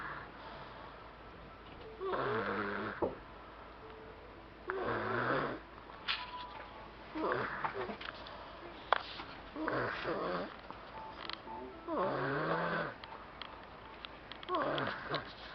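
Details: Repeated rough, rattling snores at about 25 a minute, with quiet gaps between them; snoring.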